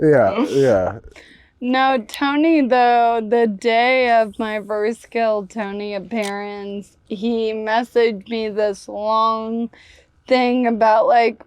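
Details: Ataxic dysarthria in a woman of about 28 with Friedreich's ataxia, a rare progressive genetic disease diagnosed 10 years earlier. Speech and walking problems were noticed around age 15.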